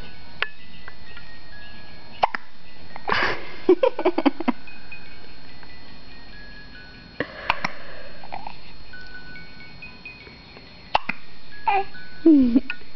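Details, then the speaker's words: Hiccups: scattered short, sharp catch sounds at irregular intervals over a steady room hum, each one making the head throw back. "this is clear with hiccups just kind of makes you throw your head back doesn't it clear huh what is that sound oh goodness"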